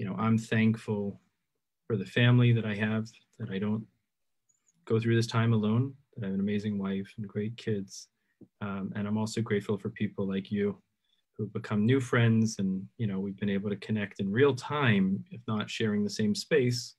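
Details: Adult man; typical speech.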